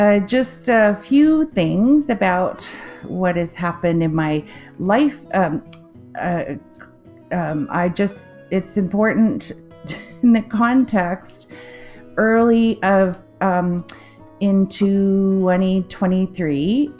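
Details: Adult woman with aphasia after a 2023 stroke affecting the left-brain language centre, with word-finding difficulty, confusion with words and trouble forming sentences; aphasia after stroke.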